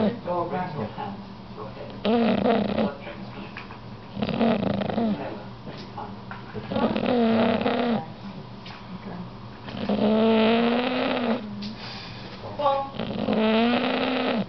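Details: Loud rattling breaths with a buzzing tone, recurring about every two to three seconds, roughly 21 a minute; snoring.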